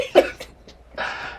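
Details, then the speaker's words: An adult recovering from an illness, with their voice returning, gives two short, wet cough bursts bringing up phlegm, then a breathy exhale. "my voice is yeah that you hear that ladies my voice is back as you just coughed up phlegm two seconds ago okay"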